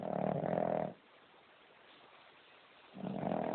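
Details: Sound-asleep King Charles Spaniel dog: a loud, rough, vibrating snore, a pause of about two seconds, then the next snore begins; very loud dog snoring.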